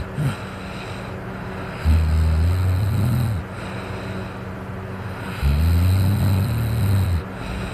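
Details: Person snoring while drunk: two loud, deep, rumbling snores on inhalation with a snort at the start, separated by quieter breathing; heavy snoring.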